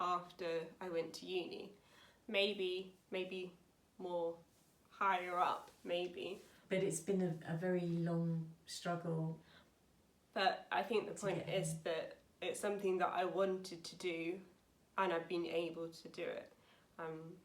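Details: Young woman, 28, with aphasia after a severe stroke at school in 2009 at age 18, about nine years on; aphasia.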